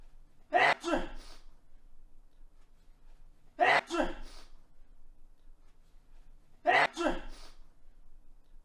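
Three loud sneezes repeat about every three seconds, each a sharp burst with a brief voiced tail; the same sneeze looped.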